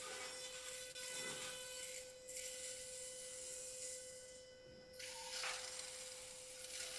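Steady high hiss and grinding whine with a constant tone, from a powered shaver shaving bone during sinus surgery.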